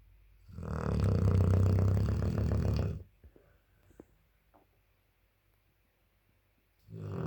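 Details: 8-month-old Dogue de Bordeaux puppy snoring loudly while asleep.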